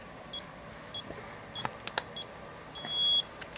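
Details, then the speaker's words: Digital thermometer beeping at the end of a temperature reading in a 14-month-old twin boy with ear problems, recent seizure and fevers of 102–103 over past days: short repeated high beeps ending in one longer beep, with faint handling clicks; reading 99.2, not a fever. "ninety nine point two so it's good actually went down it's gone so that means it's not a fever"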